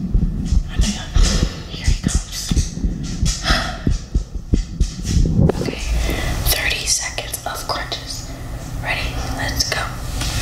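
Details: Heartbeat ASMR recorded after exercise: a normal heartbeat following physical exertion.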